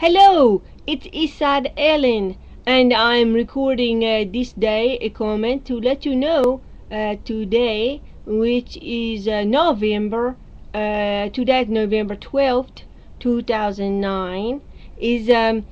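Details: Adult woman six months after onset of rare foreign accent syndrome, recorded November 12, 2009; she is working on the accent but it persists; foreign accent syndrome.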